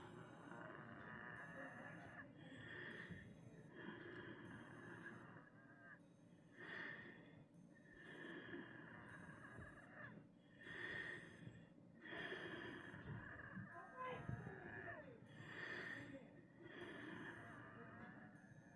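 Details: Person with asthma and an upper respiratory illness who can't stop wheezing: breathing with a high, whistling musical tone repeating through each breath; wheezing.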